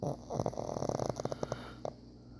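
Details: Pug snoring while asleep: a fluttering, rattling snore with rapid vibrating pulses and a snort at the end, typical noisy flat-faced breathing.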